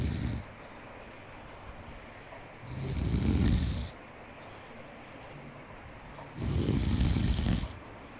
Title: monkey sleepy and many snoring sound💤💤